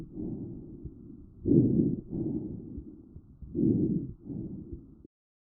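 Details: Normal vesicular breath sounds in a child, recorded with the StethoMe electronic stethoscope: soft, low rustling that rises and falls with each breath, heard mainly on inhalation and early exhalation.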